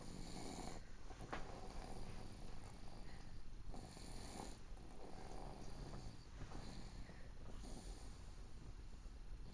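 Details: Young child snoring while asleep on her mother.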